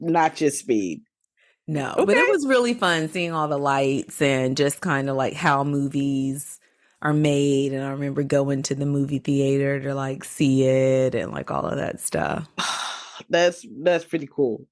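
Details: Adult woman speaking; normal speech.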